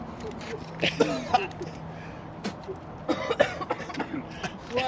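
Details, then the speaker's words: Adult doing the cinnamon challenge: short, harsh coughing and throat-clearing bursts after inhaling dry cinnamon powder, which sticks in the throat, while calling for water to wash it out. "can you hold my spoon I'm so not doing that drink wash it out huh why should I with the water oh god oh god more water I can't call me it's a cake to my throat Oh God keep going to water and that's the cinnamon challenge"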